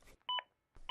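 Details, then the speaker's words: Short two-tone electronic beeps from a Zoll AED Plus giving CPR feedback on chest compression depth, which warns when compressions are not at least 2 inches deep. AED CPR feedback beeps. "if your compressions aren't at least 2 inches deep the AED plus will let you know"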